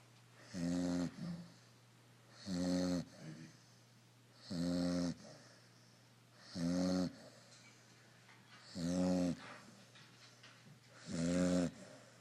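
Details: Snoring from a sleeper described as very funny.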